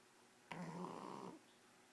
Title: Shar pei snoring